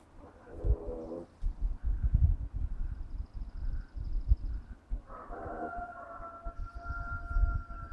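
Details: Someone snoring loudly while asleep, recorded on a Nokia N8: rough, buzzing breaths with some whistling, tonal snores over steady low rumbling and handling noise.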